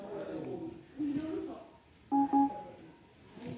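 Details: Two short steady electronic beeps from a Maquet ventilator marking the end of its pre-use self-check, which passed, with faint room noise.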